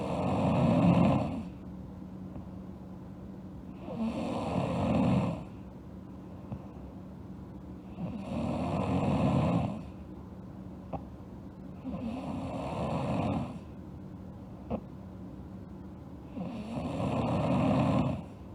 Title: Sleeping Girl Snoring (ALSG) Part 2